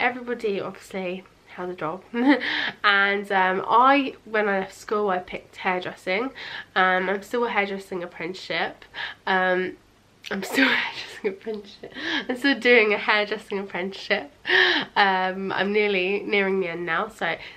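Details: Young adult woman, nearly 20, with a lifelong stammer of about 20 years, worse under stress with long blocks; she says she is unusually fluent on camera; stuttering.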